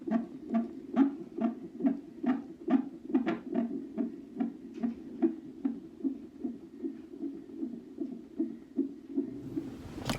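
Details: Rapid regular whooshing beats at about 140 a minute: fetal heartbeat on a monitor during a prenatal ultrasound and non-stress test at nearly 37 weeks of pregnancy, with many contractions showing.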